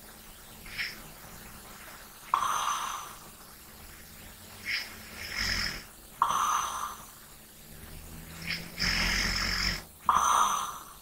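Soft rasping snores with breathy exhalations between them, roughly 15 breaths a minute, in a quiet room during sleep.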